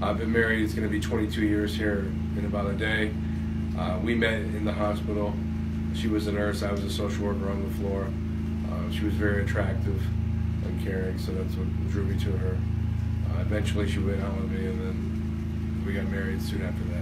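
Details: Adult man; normal speech.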